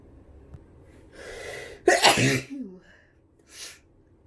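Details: A drawn-in breath builds into one forceful, explosive sneeze followed by a brief sniff; sneezing with flu.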